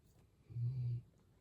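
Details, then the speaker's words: A dog named Odin snoring while asleep: a single low, steady rumbling snore about half a second long; owner prefers hearing snoring to seizing; snoring. "you know I love me some doggies as you can hear Mr Odin who is snoring down here is better than seizing I'd rather hear the snoring"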